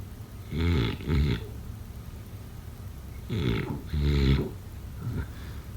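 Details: Low, rattling, buzzy snores in paired bursts, roughly every three seconds with quiet gaps between: snoring during sleep.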